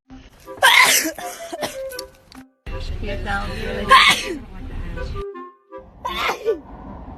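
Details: Girl sneezing: three abrupt, explosive sneezes over background music and some talk.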